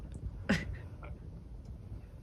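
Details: Belch in an adult with retrograde cricopharyngeal dysfunction (no-burp) after 21 years of being unable to burp, after Botox injected into the upper esophageal sphincter: a single short, low burp in a quiet room.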